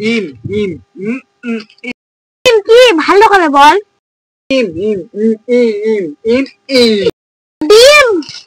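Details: Comedy skit with imitated stuttering and repeated words; stuttering (imitated).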